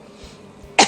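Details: Isolated cough in a news segment about a woman's coughing: quiet room noise, then a single sharp, harsh cough burst at the very end, cut off as it starts.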